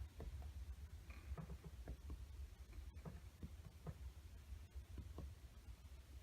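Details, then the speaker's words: Series of soft, hollow finger taps over the lung field during a chest percussion exam, giving the normal resonant note of air-filled lung. "I should be hearing here is resonance over the lung field which I do"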